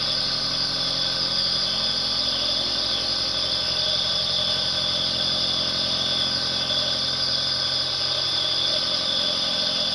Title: 1 hora Aerosol nebulizer, El Mejor Sonido Nebulizador, Dormir Sonido para relajarse